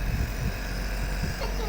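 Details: Steady loud mechanical hum and rumble of a nebulizer compressor running for a young child with chest congestion and cough, who is under medication. Faint voices sound beneath it.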